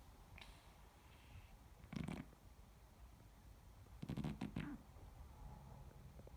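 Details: A sleeping Persian cat gives two soft, low, rattling snores over a quiet room hum.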